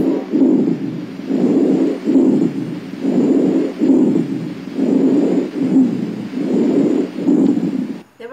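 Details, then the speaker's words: Rhonchi on lung auscultation: a closed, diminished, coarser low sound than normal breath sounds, due to airway secretions. "então ele é um som as fechados ele é um som pouco mais grosso que é devido essa secreção"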